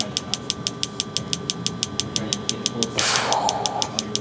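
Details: Focused shockwave therapy on a man's knee for chronic patellar tendinopathy; rapid, regular sharp clicking pulses, about three a second, with a brief rush of noise from the device firing.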